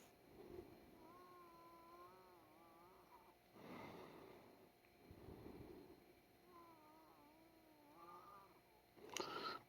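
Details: Long musical whistling tones on breathing out, alternating with noisy breaths in, described by the speaker as severe wheezing when lying down; wheezing.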